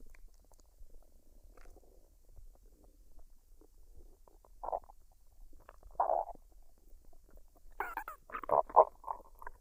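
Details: Woman's stomach after a dinner of fried rice and duck, unedited, no talking: soft, scattered gurgles and bubbling squelches in a quiet room, louder toward the end. Normal bowel sounds (borborygmi).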